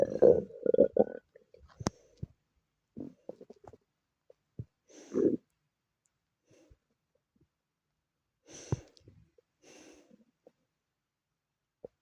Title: my stomach growling 😭